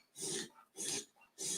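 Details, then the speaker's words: Beagle makes rapid, harsh snorting pulls of air through the nose after being startled awake from a dream; a reverse sneeze. "now we've got a dog with a reverse sneeze I don't know if you guys can hear that if you can I'm really sorry"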